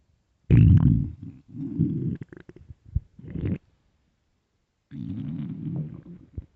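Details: Stomach growling, possibly from hunger: deep gurgling rumbles in three long bursts with short pops between them.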